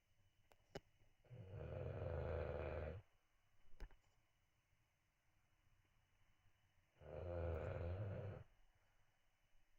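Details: Bulldog puppy snoring: two loud, low, rattling snores about six seconds apart, with quiet breathing between them in a still room.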